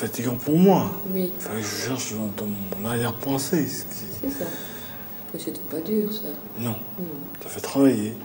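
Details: French-speaking male patient with aphasia in a picture-naming task, shown in a clinical training film. He substitutes one word for another when naming a chest of drawers, and what he means stays ambiguous.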